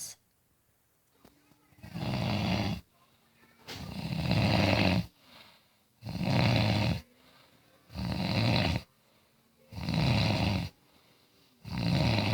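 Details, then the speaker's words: Adult woman (sister-in-law) sleeping in the middle of the night, recorded from the other end of the house: very loud, rough snoring on each breath, about 15 breaths a minute, with quiet gaps between; snoring. "I can hear her snore and it's funny like it's super loud so the lightings gonna be really dark probably won't be able to see a thing but you'll be able to hear it and it's hot larious"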